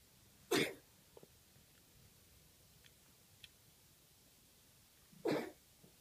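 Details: Cough in a Maine Coon kitten; owner suspects a hairball, and the cough went away after hairball paste was given for a while: two short, harsh, explosive coughs about five seconds apart in a quiet room.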